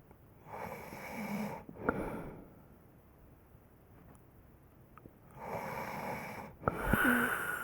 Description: 5 minute clip of snoring. Join me in my dream.